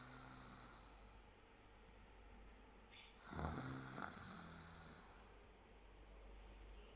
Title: snoring like a pig